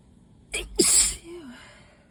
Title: 5/1 - moooore allergy sneezes!